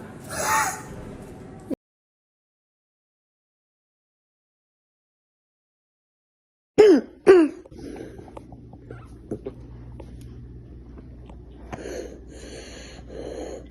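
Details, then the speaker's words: Two harsh, abrupt, hoarse honking cough bursts described as a barking cough, indicating swelling around the airway with possible difficulty breathing; barking cough. "you hear that cough that cough is which is described as a barking cough that just means everything around his Airway is swollen and he may be having a hard time breathing"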